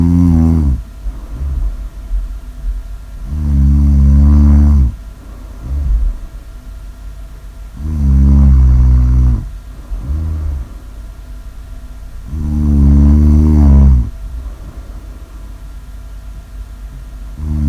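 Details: Loud, deep, rattling snores about every 4.5 seconds, roughly 13 a minute, with softer breathing between; snoring.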